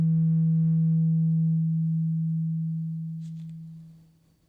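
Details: Roleplay ASMR ear exam for clogged-feeling ears, listener's eyes closed and told to say when the sound stops: a clear, pure low tuning fork hum slowly fading over about four seconds; simulated hearing test.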